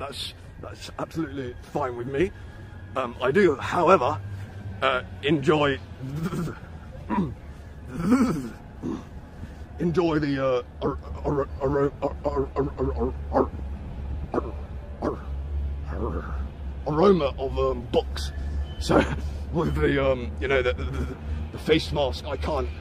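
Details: Speaker with word repetitions and filled pauses; stuttering.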